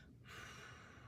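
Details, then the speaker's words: A physical therapy student coaches a patient who has trouble exhaling: in through the nose for 2 counts, then out through pursed lips "like blowing out birthday candles" for 4 counts. A steady hissing exhalation with lip resistance: pursed-lip breathing. "So what I want you to do is breathe in through your nose for a count of 2, 1, 2, and then breathe out through your mouth like you're blowing out birthday candles for a count of 4."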